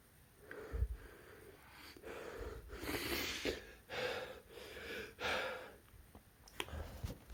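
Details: Male with a cold and a very sensitive nose, inducing sneezes: several loud sneezes with noisy, snorting breaths between them; repeated induced sneezing.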